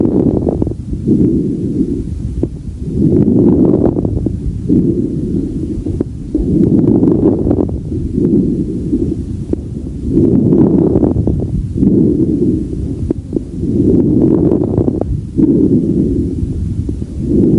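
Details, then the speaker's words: Regular breathing at about 17 breaths per minute with fine crackles late in each inspiration; late inspiratory crackles, characteristic of restrictive pulmonary disease such as interstitial fibrosis, pneumonia or heart-failure congestion. "late inspiratory crackles are characteristic of restrictive pulmonary disease and may be heard in interstitial fibrosis asbestosis pneumonia pulmonary congestion of heart failure pulmonary sarcoidosis Scleroderma and rheumatoid lung"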